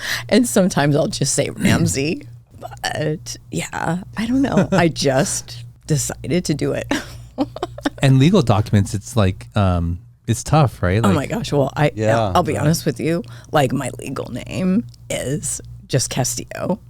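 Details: Adult woman diagnosed this year with spasmodic dysphonia; she attributes it partly to voice overuse and partly to stress, and says it is occurring during this recording; finding: spasmodic dysphonia.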